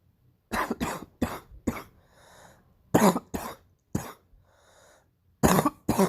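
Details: Clusters of two to four harsh coughs separated by audible breaths in, a painful morning cough; cough.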